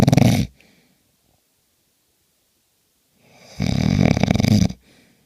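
Two loud, rattling snoring breaths, one short and one long, separated by a quiet pause of about three seconds.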